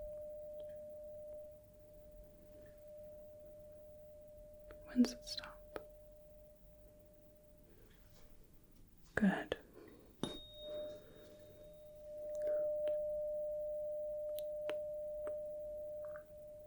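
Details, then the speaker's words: Simulated medical exam (roleplay): a struck tuning fork rings with a pure tone during a Rinne test, placed on the bony process behind the ear, then moved in front of the ear until it is no longer heard. "so now I am going to strike the tuning fork and put it on the Bony process behind the ear and then you just tell me when you stop hearing it"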